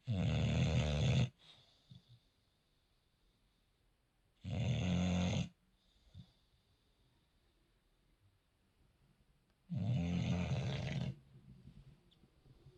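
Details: Snoring of Louie, a bulldog: loud, low rattling snores every few seconds, three in about 13 seconds, with quiet pauses between.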